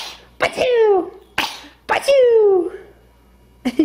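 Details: Two small, high-pitched infant sneezes, each a quick intake and a sharp burst trailing into a squeaky voiced tail; ordinary baby sneezes.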